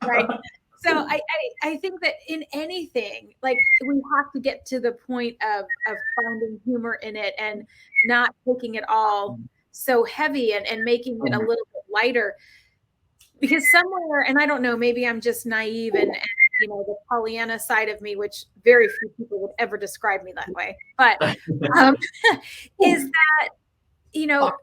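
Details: Adult speaking; normal speech.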